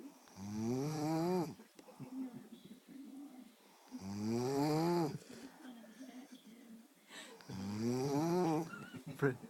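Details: Snoring: long, loud, rattling, groaning snores on each breath, about three in ten seconds, with softer breathing between.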